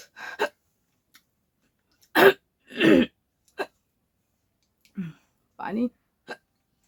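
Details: Hiccups after eating very spicy namkeen for a hiccup challenge: short sharp voiced catches of breath at irregular intervals, mixed with chewing noises and brief vocal sounds.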